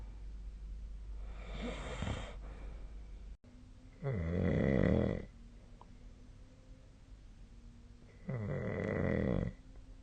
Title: 🐽 本日のイビキ / Snoring Sleep Sound 2025/02/20